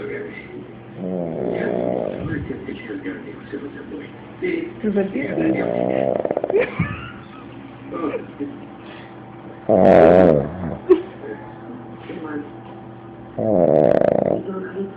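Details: Several buzzing, fluttering snores over a steady background hum from a sleeping dog; light dog snoring, described as frequent.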